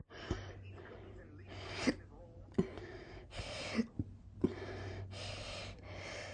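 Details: Loud, slow hiccups after lunch, second recorded bout: five short, sharp, abrupt catches of breath over about six seconds, with a low hum in the background.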